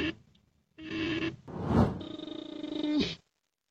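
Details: A sleeping raccoon, resting in the daytime as a nocturnal animal, snores in a quiet room: a short tonal, rattling breath, then a longer fluttering, humming one.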